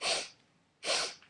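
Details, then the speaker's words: Two quick, sharp nasal sniffs imitating a simple vocal sniffing tic of Tourette syndrome, demonstrated by a person with Tourette's. "um your simple vocal you've got your sniffing so it can be like"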